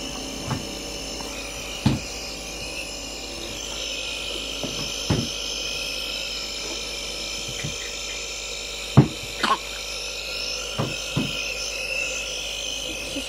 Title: nebuliser ang baby